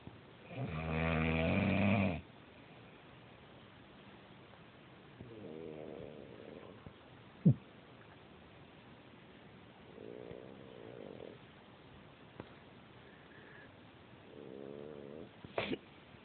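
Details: Wife snoring: four rattling, vibrating breath sounds at regular intervals, the first loudest, with a few faint clicks between.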